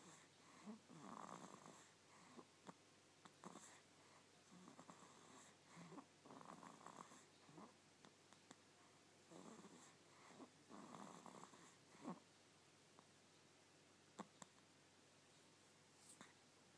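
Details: Snoring during sleep: repeated soft, fluttering snores with snuffles and a few clicks, roughly every two seconds, in a quiet room.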